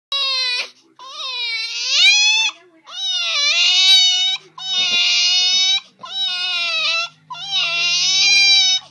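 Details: Loud, high-pitched infant crying in long wailing bursts, about six in nine seconds, with brief breaths between.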